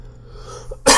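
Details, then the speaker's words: Quiet room, then a single sudden loud explosive cough from an adult with an ongoing cough, recorded while talking into a microphone. "still have a cough, obviously. Get ready to hear that a bunch."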